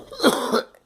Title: Girl coughing